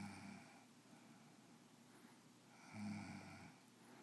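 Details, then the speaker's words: A female cougar asleep and snoring; her snores are said to be much louder in real life and can last minutes to hours. Two low, rough, droning breaths a few seconds apart; snoring. "um what's your hearing or the loud snores of the Bobby Ray cougar her snores are much much louder in real life"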